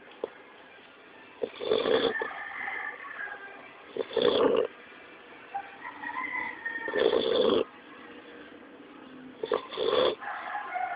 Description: My 3months old cute pitbull pup is snoring like a Man :)